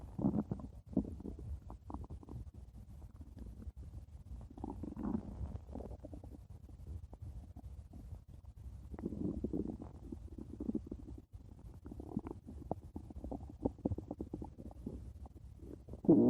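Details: Stomach growling (borborygmi): low, bubbling gurgles and rumbles from the belly, gas and fluid moving through the gut.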